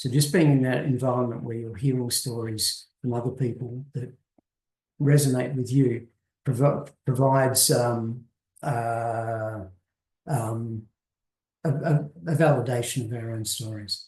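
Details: Adult man who has stuttered since he could talk, was covert for much of his life, now appears largely fluent, with part-word and word repetitions audible; stuttering (stammering)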